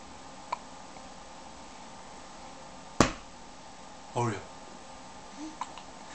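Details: Person with hiccups and laughing: a few sharp, brief, isolated hiccup bursts over quiet room noise.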